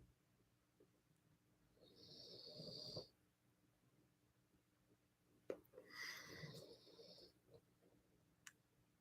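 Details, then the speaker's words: Snoring heard during a guided meditation session: two soft, hissing snoring breaths several seconds apart with faint clicks, in a quiet room. "i hope you guys can hear aussie snoring because i think that's like a really beautiful i i love meditating to the sound of aussie snore"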